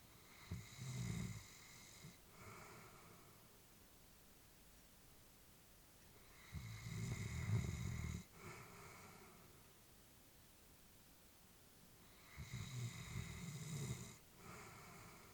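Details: Elderly female Labrador sleeping: three low rumbling snores about every six seconds, roughly 10 a minute, with soft breathing between; ordinary sleep snoring.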